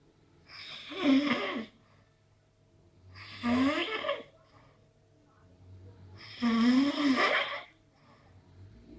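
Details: Three loud, rough, vibrating breath sounds at about 20 a minute with quiet gaps between; snoring.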